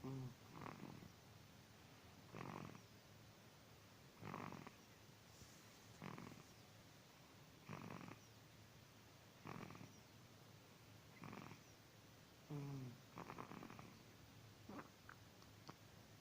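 Soft regular snoring with brief snorting breaths about every 1.7 seconds, roughly 35 breaths a minute, over quiet room noise.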